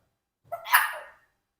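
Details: Sneeze from a 4-year-old Congo African Grey parrot that also makes fake sneezes: a single short, sharp burst of air with a hissing spray.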